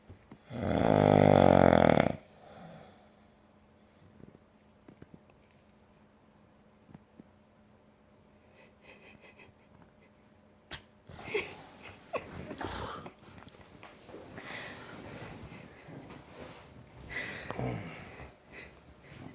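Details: Sleeping Newfoundland dog snoring: a loud rough snore at the start, then quieter irregular snuffling breaths against room noise.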